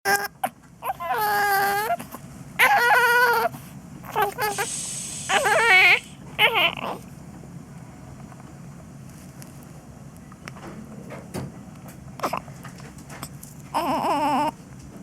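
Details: NICU infant born at 32 weeks 6 days, upset by hiccups: loud rhythmic crying in repeated bursts fading into quieter fussing, brief cry again near end; infant cry.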